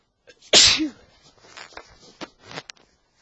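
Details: Adult man sneezing during an allergy flare: one loud, sharp sneeze followed by soft sniffing and breathing.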